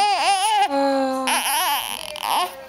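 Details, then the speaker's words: Infant boy, grumpy after hiccups and possibly hungry, gives short, high-pitched, wavering fussy cries and whimpers; ordinary infant cry. "i think you got rid of your hicups though that's good"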